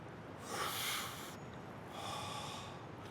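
Two harsh, snorting breath noises, the second longer and sigh-like; acted snoring followed by a sigh in a film scene.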